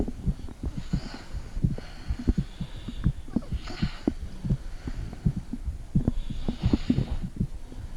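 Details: Heartbeat recorded through a mother's stomach with a phone held to the belly: muffled, fairly regular low thumps with faint breathing and soft gurgling noises.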